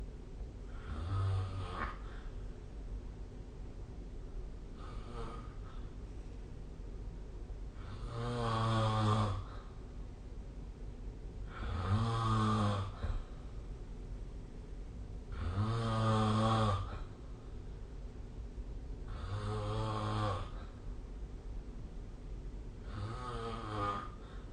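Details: Snoring during sleep, recorded with the SnoreLab phone app: rhythmic, rumbling snores with each breath in, about 16 per minute.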